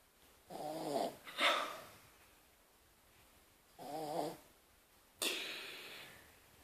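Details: Draper, sleeping, snoring softly: wavering snores on the in-breath, each followed by a short airy exhale through the nose, in slow cycles.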